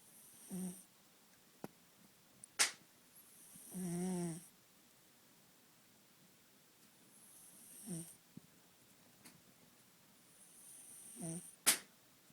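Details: Sleeping kitten snoring during a siesta: soft, irregular snoring breaths with a whistling, nasal quality and a few faint clicks, in a quiet room.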